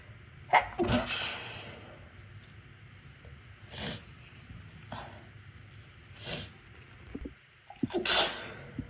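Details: Run of deliberately induced sneezes from a person with a cold and a left-nostril tickle: several sharp explosive sneezes with sniffing and quick in-breaths between them.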